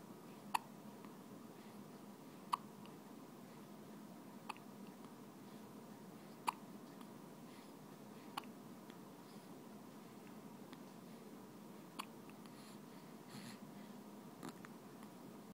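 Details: Quiet room with sharp, brief clicks about every two seconds, seven in all; hiccups.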